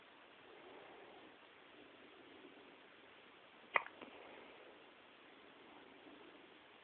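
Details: Hiccups: quiet room hiss broken by one sharp, brief click-like hiccup, followed by a faint softer catch; a single hiccup.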